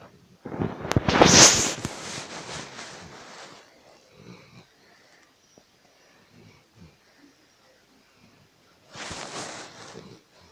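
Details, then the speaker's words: Sleeping dog snoring beside owner lying under a blanket: two loud, rough, rattling breath sounds separated by a quiet gap; snoring. "Ребят, я надеюсь, что слышно этот храп. Сара храпит, да, ребят."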